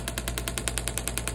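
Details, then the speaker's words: Shockwave therapy device treating an athlete's Achilles tendon at its heel attachment for pain and scar tissue after injury: rapid regular tapping pulses, about ten a second, over a low steady hum. "Um so, as we're working around that, those sound waves are being emitted uh through the tissue."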